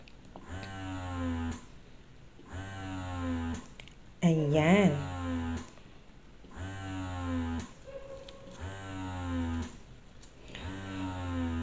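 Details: Rhythmic motor cycles with a brief voice in the background: a Phanpy hospital-grade double electric breast pump at its highest suction level, 10, with a quiet motor.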